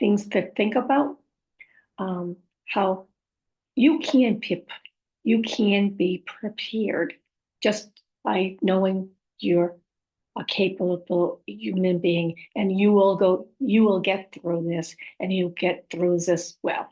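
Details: Woman with post-stroke aphasia, apraxia of speech and dysarthria; she says her speech is sometimes hard to understand.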